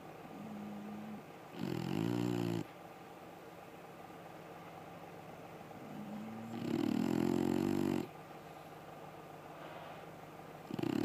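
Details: Sleeping dog named Rio snoring: loud rattling inhalations, each preceded by a soft whistling note, about six breaths per minute in a quiet room.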